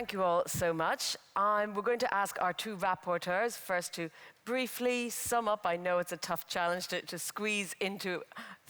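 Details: Adult speaker; normal voice.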